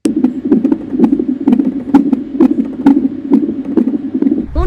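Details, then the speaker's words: Fetal heart heard on CTG monitoring, as done in the 8th–9th month of pregnancy: rapid, regular galloping whooshes, about 128 beats a minute, a normal fetal heart rate. "அந்த டைம்லயும் நீங்க உங்க பேபியோட heart ரேட்டை கேட்கலாம் அது எப்படி இருக்கும்னா இப்ப நீங்க கேளுங்க அந்த மாதிரி"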